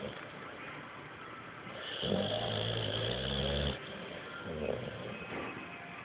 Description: Bulldog snoring on the couch